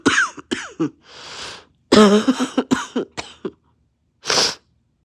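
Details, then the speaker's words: Adult with several short, loud coughs mixed with throat clearing and nasal snorting; uploader asks whether it is an upper or a lower respiratory cough, undetermined; cough. "Does this sound like a upper respiratory cough or a lower respiratory cough?"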